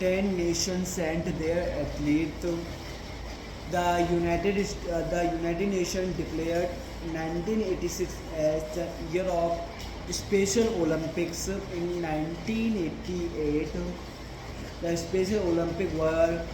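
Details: Man with a stammer reading a passage aloud as his daily stammering practice; stuttering.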